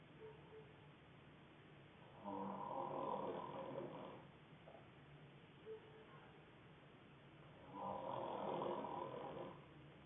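Two long, coarse snoring breaths several seconds apart, with quieter breathing between; ordinary snoring.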